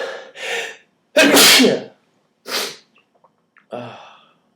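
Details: A short in-breath, then a loud explosive sneeze and a second smaller one with faint breaths, triggered by pulling nose hairs, with swearing before and after; sneeze.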